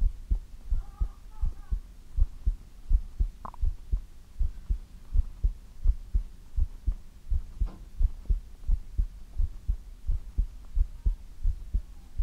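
Steady low thumps of a heartbeat at about 86 beats a minute, regular rhythm; a normal heartbeat.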